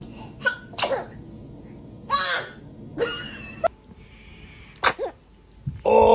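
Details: Five or six short, squeaky bursts with quiet gaps, some with a brief high-pitched squeak, from babies sneezing: sneeze.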